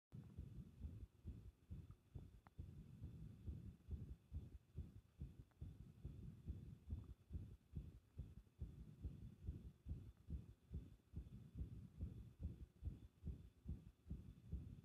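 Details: Fast, muffled heartbeat around 140 a minute with uneven spacing between beats, recorded with pressure applied; an irregular heart rhythm (arrhythmia).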